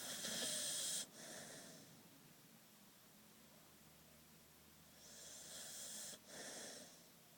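Two soft, hissing, snorting breaths through the nose a few seconds apart, with quiet pauses between: light snoring in a sleeping puppy.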